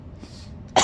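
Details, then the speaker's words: A male sneezes, likened to air being let out of a bike inner tube. Low vehicle rumble, then a sudden loud hissing burst of air cut off at the end: the start of a sneeze. "So when he sneezes, it's like a fucking inner tube of a bike or somebody letting out the air in a bike. When he sneezes."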